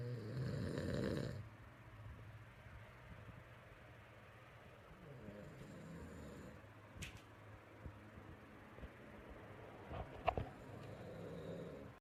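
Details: Adult man sleeping, snoring: one loud rough nasal snore, then quiet nasal breathing with soft snoring and faint room noise.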